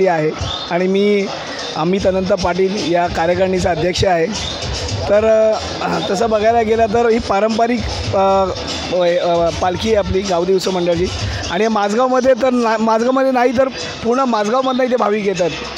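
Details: Adult man speaking; normal speech.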